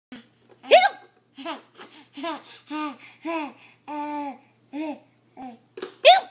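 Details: 7.5-month-old infant laughing in bursts, with sharp hiccup-like catches at the start and end: hiccups.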